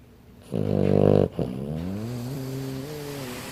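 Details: Sleeping 15-pound Frenchton dog snoring: a loud, rough snore, then a long, whining, nasal note on the outbreath.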